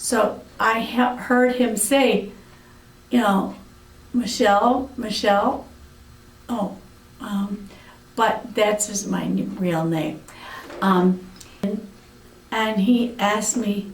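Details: Aphasia in an adult woman after a severe stroke about eight years earlier.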